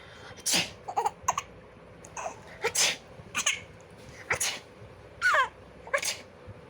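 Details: Several short, sharp sneeze-like bursts in a quiet room with a child giggling between them at each sneeze.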